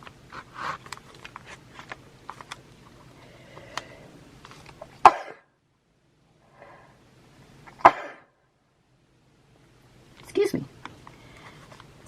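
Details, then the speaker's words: A few sharp, explosive bursts in a quiet room, the strongest an ordinary adult sneeze; the adult says they have no cold. "like I sneeze whenever I'm making a video it's just the hottest thing I don't have a cold or anything"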